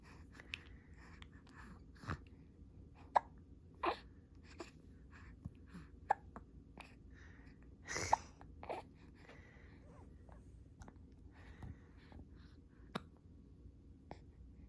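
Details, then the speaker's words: Person with hiccups: soft, irregular hiccup-like clicks and catches a few seconds apart in a quiet room with faint background noise; hiccups. "how you doing oh you got hiccups poor you"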